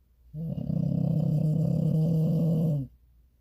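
One long, loud, rattling snore from a sleeping dog, low and fluttering throughout, about two and a half seconds.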